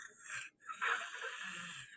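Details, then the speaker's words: Wheezing in a lecture on lung sounds: a continuous whistling, musical quality across two breath phases during breathing. "is there wheezes where it's kind of a wheeze right when they're breathing"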